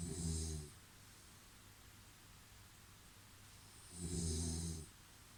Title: I can actually sleep through this snoring. Could you?